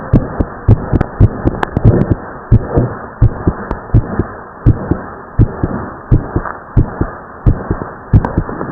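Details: Split second heart sound (S2) in a teenage boy after overexertion from exercise: regular heartbeat about 83 a minute, second heart sound split into two close taps.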